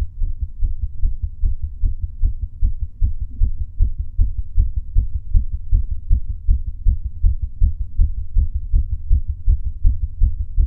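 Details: Adult male's own heartbeat recorded during breath holds; a normal heartbeat.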